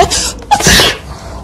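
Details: Single sneeze acted in a Russian TV drama scene: a quick breath in followed by a loud, explosive sneeze.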